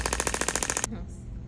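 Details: Rapid train of sharp, regular clicking pulses, about thirteen per second, stopping abruptly: a shockwave therapy device treating a female patient's arm scar, rated a three for discomfort; afterwards palm-up/palm-down movement feels looser.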